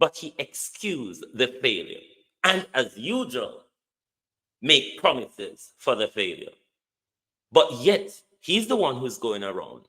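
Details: Adult male speaker; normal speech.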